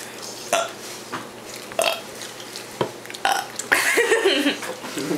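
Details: Children deliberately burp for entertainment, giving several short burps in quick succession, with children's voices near the end; ordinary burping.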